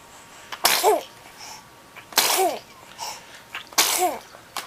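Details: Three sharp, explosive sneezes in quick succession, each a sudden burst of air with a brief voiced tail: repeated sneezing.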